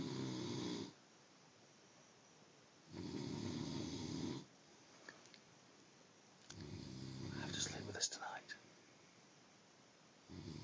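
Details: Heavy snoring of a sleeping person, said to get worse: loud, rattling snores on each in-breath, separated by quiet pauses of about two seconds, with brief background noise.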